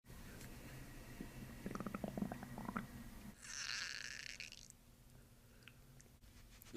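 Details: Bubbly, rumbling gut gurgles then a higher squeaky gush of moving gas and fluid during chiropractic abdominal treatment with belly breathing; ordinary bowel sounds (borborygmi).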